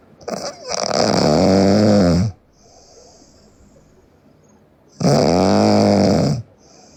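Two long, loud, rattling snores a few seconds apart, with quiet breathing out between them.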